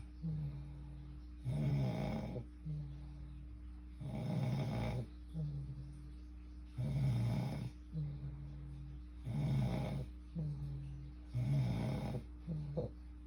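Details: Regular rasping snores on each breath, about 24 a minute, over a low room hum; a sleeping person's snoring recorded by their boyfriend.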